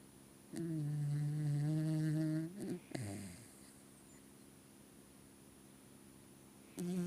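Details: Sleeping dog snoring: a long, steady, humming snore on one breath, with a quieter snore starting at the end.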